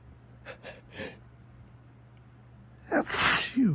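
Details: Photic sneeze reflex in the morning, with strong sunlight beaming through a window onto the face after waking with a sneezy tickle. A few short in-breaths, then a sharp, forceful sneeze.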